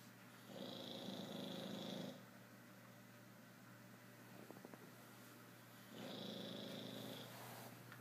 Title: Bruizer snoring